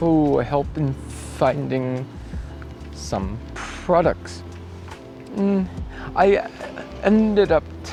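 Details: Adult male cyclist about 2 weeks after a bike crash with head impact and loss of consciousness, with acquired apraxia of speech and thinking reported intact; apraxia of speech.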